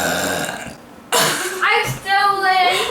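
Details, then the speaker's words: Girl voluntarily burping in a family burping contest: two short, throaty burps with room chatter around them; belching. "having a burping contest I can't even burp like this but my daughter's can's next she has my last one let's hear it okay your turn"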